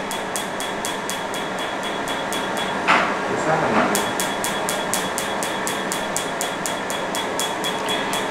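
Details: Picoway picosecond laser firing during tattoo removal on a foreign male client: rapid regular clicking pulses, about two per second, with a steady hiss of cold spray cooling the skin.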